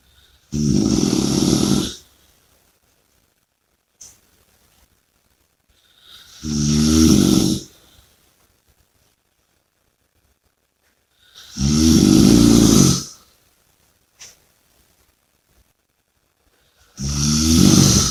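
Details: Snoring: four loud, rattling snores on the in-breath, one about every five seconds (roughly 12 breaths a minute), with quiet between them.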